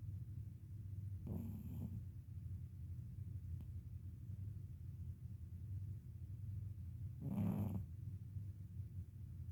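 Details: Pet named Luna snoring while asleep: two short, rough snorts about six seconds apart over a steady low rumble.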